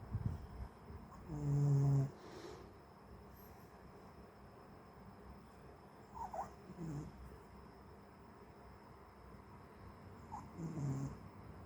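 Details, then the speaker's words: A sleeping pet said to snore like a human gives low, humming snores roughly every four to five seconds with soft breathing between, in a quiet room. Snoring. "Get up. You snore like a human, Babos."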